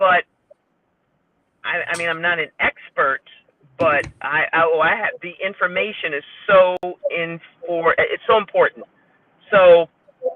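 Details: Woman with stroke-related aphasia, a member of an aphasia support group, whose speech shows word errors; aphasia.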